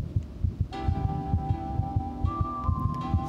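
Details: Newborn vital signs examination simulator playing heart sounds recorded from a real newborn, synchronized with palpable pulses: a fast, regular beat around 130 a minute with music behind; normal newborn heart sounds.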